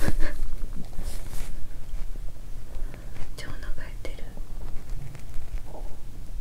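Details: Adult stomach growling after fasting more than 15 hours since dinner the evening before: close, muffled low rumbles and soft gurgles over rustling, with a brief tonal gurgle near the end; hunger bowel sounds.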